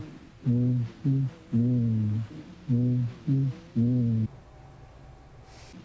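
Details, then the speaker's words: Transmitted voice sounds on chest auscultation as the patient says "99", louder and clearer than normal: bronchophony. "voice sounds that are louder and clearer than normal as in this example are called bracophony"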